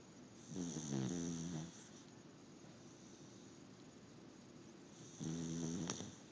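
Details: Two buzzing, vibrating snores, about four and a half seconds apart, with soft breathing between; regular snoring.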